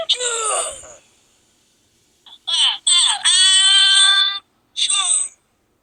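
High-pitched wailing cry bursts with short pauses between them; an infant crying.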